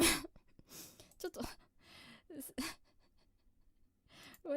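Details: VTuber during a live stream, right after announcing her subscriber count. A forceful burst followed by breathy sounds and gasps in a small room: a strong sneeze.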